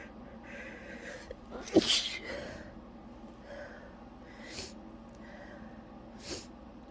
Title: trying to stay quiet but i keep sneezing